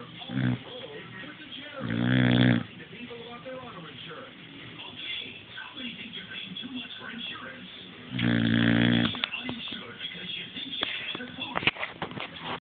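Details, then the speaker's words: Boxer dog sleeping beside her owner: loud, buzzing snores on each in-breath while a television talks in the background; dog snoring. "okay so I'm laying with colada boxer and that's her snoring"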